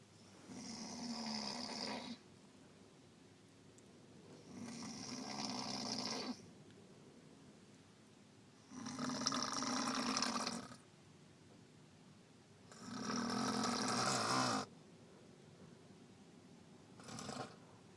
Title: Grandma snoring